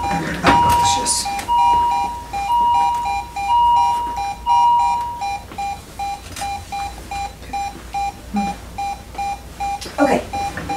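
Repeating electronic alarm tones, then steady beeps near 58 a minute, from a cardiac monitor alarm, with faint talk and room noise.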